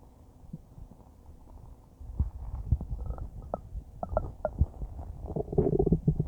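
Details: Normal bowel sounds recorded about a minute after eating a huge bowl of spaghetti: irregular low gurgles and rumbles with brief higher squeaks as the stomach churns.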